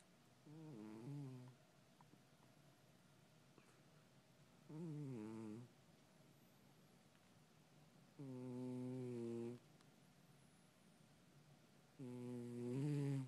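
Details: Loud snoring: four rhythmic, buzzing breath sounds about every four seconds, roughly 16 a minute, in a quiet room.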